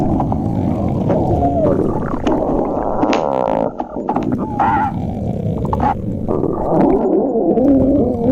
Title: @tommyclulow8617 stomach growling 2